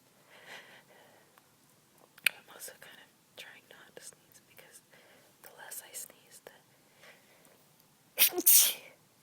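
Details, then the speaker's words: Adult sneezing quietly after cleaning a dusty closet, with mild congestion left at the end of a cold; trying to stifle so as not to wake others: whispered speech, then one sharp, partly held-back stifled sneeze. "I'm also kind of trying to stifle them because I got a request to stifle but I'm not very good so I thought I might give the opportunity to try right now"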